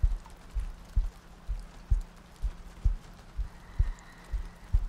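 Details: ASMR sleep-aid roleplay of cuddling next to a girlfriend on a rainy night, a looped track with soft breathing: steady low thumping heartbeat, about 64 a minute, regular rhythm, with faint rain behind.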